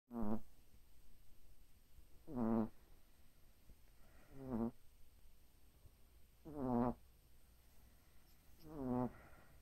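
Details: Sleeping Boston Terrier dog snoring in five regular rattling bursts, about 28 per minute, with quiet gaps between.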